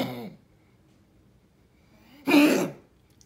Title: Coughing